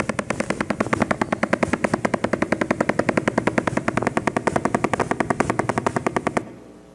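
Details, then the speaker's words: Needle EMG teaching example: steady ratchety, hollow-sounding crackling pops from a single motor unit, probably polyphasic, firing at about 8–10 Hz, slightly slower at the start, with normal recruitment. "so one motor unit eight Hertz to 10 Hertz normal recruitment"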